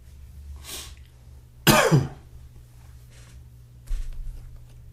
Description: Typical morning...coughing, sneezing, sniffling.